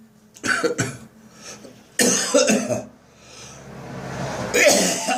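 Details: Dry morning cough lingering after bronchitis, with phlegm nearly all gone: several short, harsh, dry coughs in three bouts, without a wet rattle.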